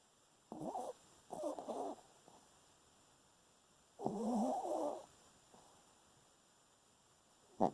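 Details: Senior Chihuahua around 13 years old, adopted, exact age unknown, asleep: soft rattling snorts in short bursts between quiet pauses, typical small-dog snoring.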